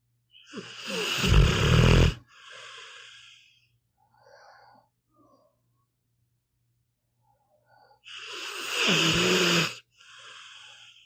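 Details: Pitbull dog asleep, audio only: two long, deep, rattling snores several seconds apart, each with a softer breathy tail; ordinary snoring.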